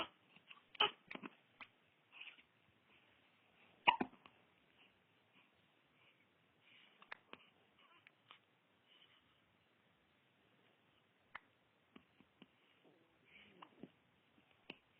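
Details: Baby with hiccups in a quiet room: brief, sharp little catches spaced irregularly, consistent with harmless infant hiccups.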